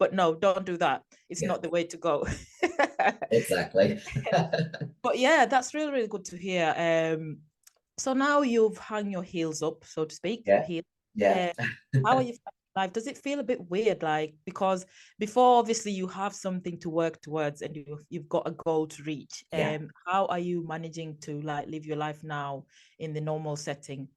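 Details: Adult speaker; normal speech.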